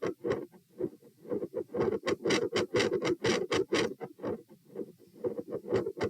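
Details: Heart sounds recorded at position P, rate 120 bpm: tachycardia with S1 and S2 swinging from very loud to nearly silent, with very quiet periods.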